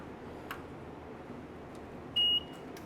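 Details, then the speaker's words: Single short steady electronic beep as a Monsoon mechanical jet ventilator is switched on at the rear start/stop power button and powers up, after its connections are made: jet ventilator power-on beep. "the Machine should come to life and start powering up"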